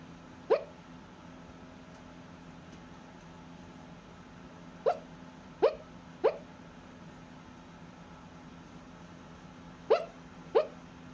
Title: Milo: sleep hiccups in a blue sweater